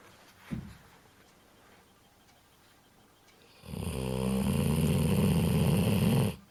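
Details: 15-year-old dog sleeping: after a quiet stretch, one long, loud, rattling, buzzing breath lasting nearly three seconds; snoring.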